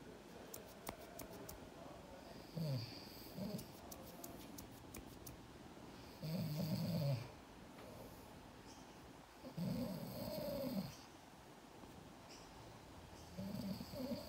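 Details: An adult man snoring while a 4-month-old Seal Point Siamese kitten sleeps: slow, deep, rumbling snores about 16 a minute over quiet room hiss, with some faint clicks.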